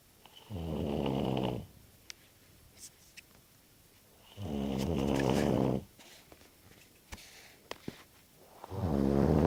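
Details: Snoring after a night of too much beer: loud, deep rattling snores on each breath in, about 15 per minute, with quiet pauses between them.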